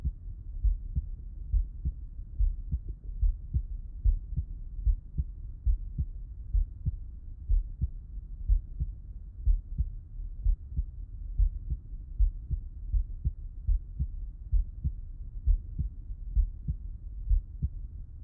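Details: Heart auscultation by stethoscope with the person lying on the left side: normal heart sounds.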